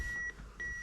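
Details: Evenly spaced high electronic beeps, about 100 a minute, from a training AED pacing chest compressions on a manikin in a CPR class, just after the AED advised and delivered a shock and CPR began.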